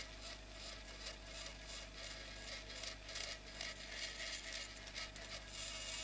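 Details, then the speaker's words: Continuous high-pitched grinding and rasping over a steady low hum: a surgical drill burring through temporal bone in a dissection demonstration, removing peripheral air cells down to the facial nerve vertical segment toward the styloid. "So this is level of my facial nerve vertical segment and I will drill all this bone to expose it till the styloid for these are the peripheral air cells. And we have to drill parall to the structure log axis of the facial."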